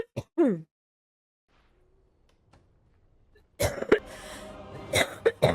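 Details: Adult woman smoker with allergy, coughing while gaming, real unscripted; brief sharp sounds, a quiet gap, then a run of harsh, explosive, rough, congested coughs; smoker's cough.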